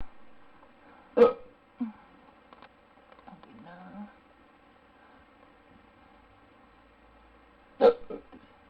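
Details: Male hiccups, two abrupt hiccup sounds several seconds apart with soft voice in between, quiet room; hiccups, audio only.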